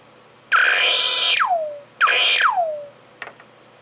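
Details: Crystal Probe SG04 surgical gamma probe for sentinel lymph node detection: two rising-then-falling electronic tones and a brief blip, the acoustic count signal changing as the probe nears and leaves a radioactive source.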